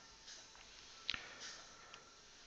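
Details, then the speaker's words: Dentsply Ankylos implant delivery, self-limiting torque driver tightening abutment screws, mesial then distal, in the patient's mouth: brief sharp double click as the screw seats, quiet room noise; torque driver click. "d all the way you'll hear click in like that and just tighten that's it here clicking it doesn't tighten any more than that"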